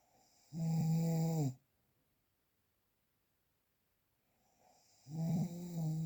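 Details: Real, unprocessed snoring recording: loud, low, droning snores about a second long, separated by silent pauses, from a sleeping adult.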